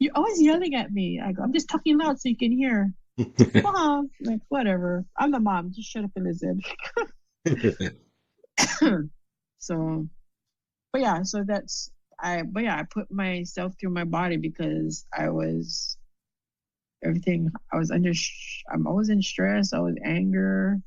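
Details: Adult female stroke survivor with aphasia after a stroke, with word-finding difficulty.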